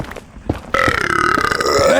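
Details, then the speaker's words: Person burping: a loud, long, voiced burp after a brief lead-in sound, with some room noise. "Burping. Can you burp? Chow Cosmos. Yes, I can burp. I can burp on purpose."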